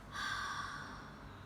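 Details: Relaxed breathing control, first phase of the active cycle of breathing technique for clearing post-COVID/lung-infection phlegm: one soft, unhurried breath out through an open mouth, hand on abdomen, belly sinking on exhalation, chest kept still, practised 20–30 seconds.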